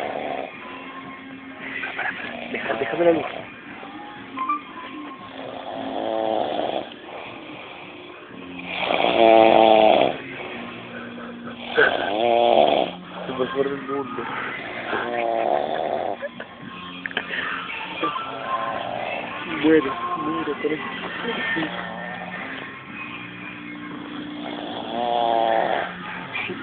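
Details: Loud, rough, rattling snores from a sleeping person repeating at uneven intervals: snoring.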